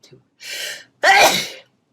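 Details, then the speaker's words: A woman's single forceful sneeze: a sharp indrawn breath followed by one loud, voiced, explosive burst. "wow Bless you that's what it sounds like when I sneeze"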